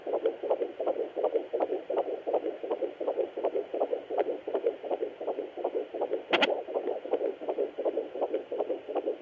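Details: Fast, regular whooshing fetal heartbeat at about 160 a minute on a Sonoline B handheld fetal Doppler at 13 weeks 1 day of pregnancy, with one brief bump of noise.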